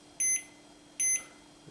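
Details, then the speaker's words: Automatic-inflation blood pressure monitor (tensiomètre 90X2) measuring a person's pulse during cuff inflation: two short high beeps about 0.8 seconds apart, roughly 75 a minute, each marking a detected heartbeat; systolic later read 117. "il apparaît est en train de mesurer ma pulsation cardiaque voilà les bip qu'on entend ça correspond on a pulsation cardiaque"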